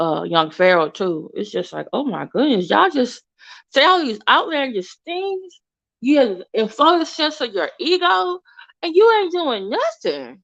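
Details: Woman with an overbite who recently got braces and a tongue crib ("tongue tamer") that keeps her tongue off her teeth, causing a temporary lisp-like sibilant distortion she calls her current speech impediment.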